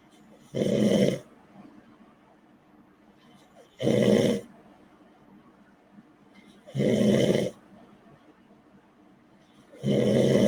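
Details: Man snoring loudly, played during a live chat stream: loud, regular rasping snores, about 19 a minute, with quiet pauses between them.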